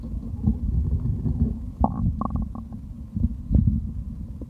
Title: Stomach growl (drinking)